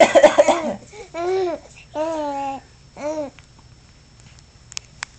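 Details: Run of several dry coughs from an adult, followed by an infant's bright laughing squeals in a quiet room; cough.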